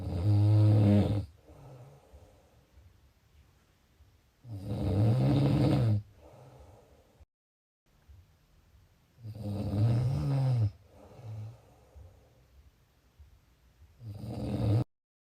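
Loud low rattling snores on each in-breath, roughly 13 breaths a minute, with quieter out-breaths between: typical snoring.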